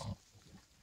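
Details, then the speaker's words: Stertor, a snoring-like noisy breathing, in a pregnant dairy goat expected to give birth around mid-March, probably carrying a single kid; the owner says she usually snores like this. "je vais vous mocher vous allez entendre comme elle ronfle on dirait moi presque voilà donc tu es une bête parce qu'elle ronfle c'est petit peu comme d'habitude"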